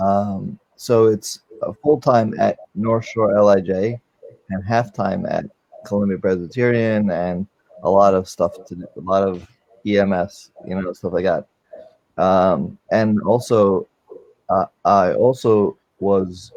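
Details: Man with aphasia since a stroke during heart valve surgery in 2007, non-fluent type; shortly after the stroke his speech was limited to single words; real chronic post-stroke aphasia.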